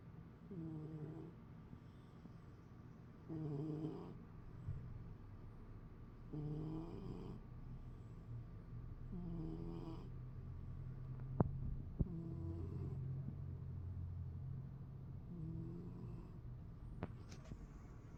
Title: snoring